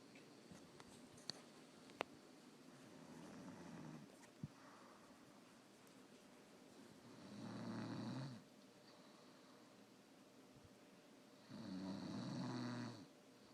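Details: Person snoring: low rattling snores on inhaled breaths, separated by quiet exhalations, in a quiet room.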